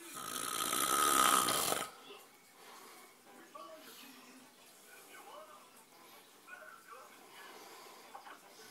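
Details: One loud, rough, rattling breath noise during sleep, then quiet breathing with faint room sounds: snoring.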